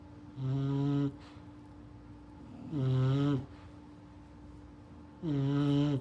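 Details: Sleeping English bulldog puppy snoring: loud, low, droning snores on each breath, three in six seconds, about 25 breaths a minute.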